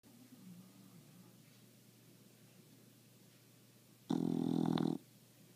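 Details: English bulldog napping upside down and drooling: soft breathing, then one loud, rough, rumbling snore lasting about a second.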